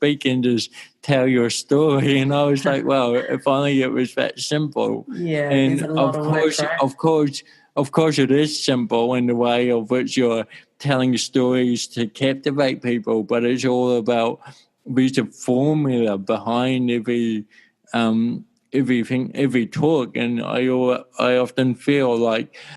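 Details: Dysarthria from congenital cerebral palsy in an adult male born in 1984, with walking also affected.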